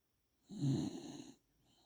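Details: Dog sleeping soundly with gentle snoring.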